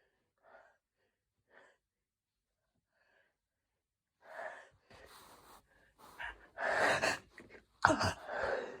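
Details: Sudden hay fever sneezes: a few quiet catching breaths, then a run of loud explosive sneeze bursts.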